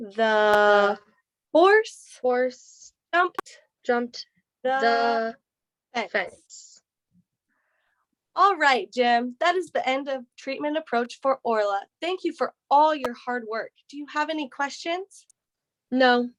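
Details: Adult female voice, possibly two speakers in a role-play; speech.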